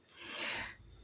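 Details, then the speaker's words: A single soft, hissing, snort-like snore from a sleeping dog. "yeah these are gorgeous sorry if you can hear Maximus snoring"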